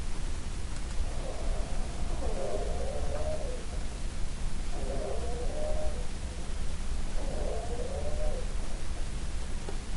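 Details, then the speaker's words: Polyphonic wheeze, classic for asthma: three high-pitched musical wheezy bursts with several tones starting and stopping at different times in the respiratory cycle. "now what is considered a classic risk for asthma is its high-pitched musical that is discontinuous the key thing being a discontinuous that starting stops at different times during the respiratory cycle"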